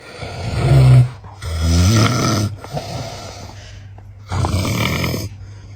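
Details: Loud, deep, rattling snores on long breaths, each a second or more, over a steady low background hum: loud snoring.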